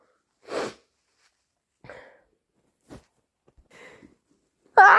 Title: Harsh, loud and wet induced sneezes plus thick sniffles and blows